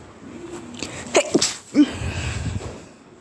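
A short cluster of muffled, stifled sneezes with the nose pinched, heard as small squeaky bursts and snorts.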